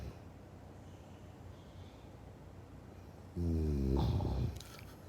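Quiet background, then one loud, low, rattling snore of about a second.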